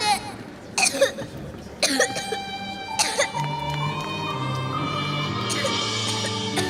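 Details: Acted cough of a young girl suspected of having a fever, possibly from playing in the rain: three or four short, dry bursts about a second apart, followed by soft background music.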